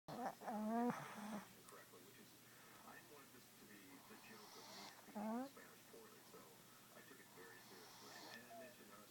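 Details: Snoring sounds from a sleeper; snoring.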